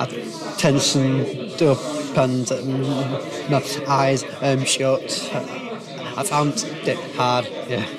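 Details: Adult man with a severe stammer his whole life, enrolled on a McGuire stammering programme course; stuttering.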